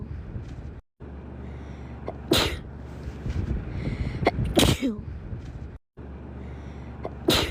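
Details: Three sharp, explosive sneezes from a girl over a steady low hum, with brief silent gaps from looping edits; edited sneezing loop.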